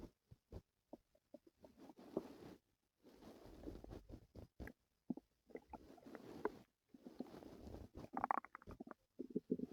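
Soft low gurgles, bubbling pops and rumbling growls coming in irregular runs with quiet gaps; active bowel sounds during stomach pain.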